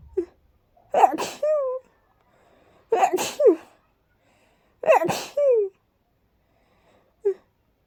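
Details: Sneezing after about 20 minutes of cleaning and dusting: three breathy, airy bursts about two seconds apart, each with a short voiced tail.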